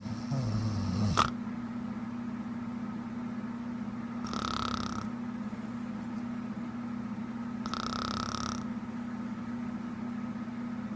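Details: Girlfriend snoring while asleep, softer than her usual loud snoring: soft, airy snoring breaths about every three to four seconds over a steady background hum.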